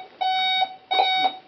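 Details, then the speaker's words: Premature twin girl 2 days past her 40-week due date (about 3 months old), on low-flow oxygen: two steady high-pitched pulse oximeter alarm tones, a false alarm as her kicking keeps the probe from reading accurately. "mostly because they're kicking around now so their their probe isn't reading getting an accurate reading"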